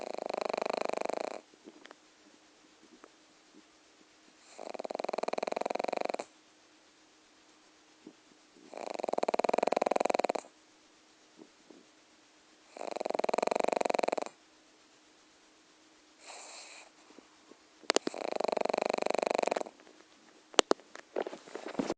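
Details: Loud, rough snoring from a sleeping pug, one long snore about every four seconds.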